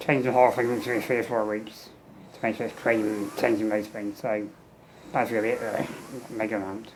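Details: Adult man with muscular dystrophy and low lung capacity, tracheostomy 15 years, ventilator, fenestrated tube with speaking valve, air leak around trachea; speech in spurts per ventilator breath with breaks; ventilator-timed speech with tracheostomy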